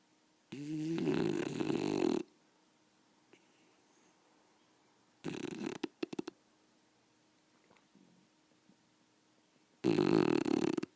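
Loud rattling snores on inhalation, separated by long quiet pauses, with a few short snorts; loud snoring in a sleeping dog.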